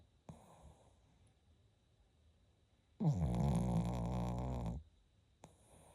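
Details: Sleeping Shih Tzu snoring: one long, deep, rumbling snore between quiet breaths.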